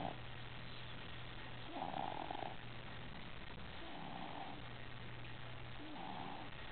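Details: A boy snoring during sleep, said to snore just like his father.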